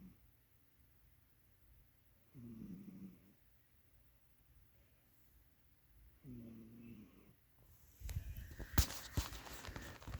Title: cat xiaomen snoring -- VOLUME UP